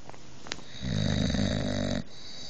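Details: Sleeping boxer dog, described as a very loud snorer, on the bed: one loud, low, rattling snore just over a second, then quiet breathing in a small room.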